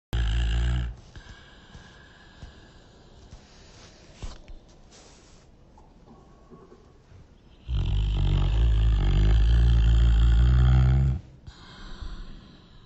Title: Sleepy beagle snoring